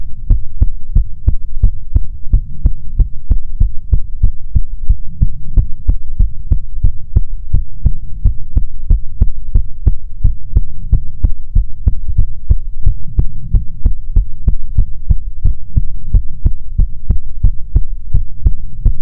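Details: ASMR heartbeat recording: steady, regular, deep heartbeat thumps throughout with a low hum underneath; a normal heartbeat.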